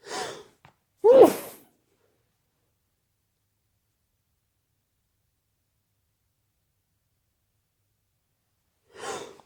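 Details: Sudden late-night sneezing attack that the person tried to muffle: three breathy bursts separated by a long quiet gap; a run of sneezes.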